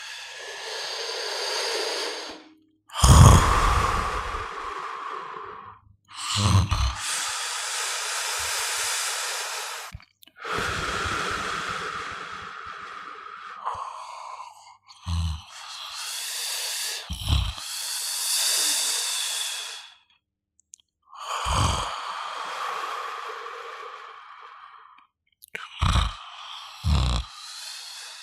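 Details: Snoring: slow, noisy breathing with rough, snorting low bursts at intervals.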